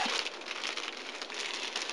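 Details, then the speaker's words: Instructional (for respiratory care students) IPPB circuit setup on a Bird Mark 7 respirator: after connecting to pressure, steady hissing rush of gas through the breathing circuit confirms gas flow. "place the tubing back in the bag to keep it clean connect to your pressure and check to see that you got gas flow"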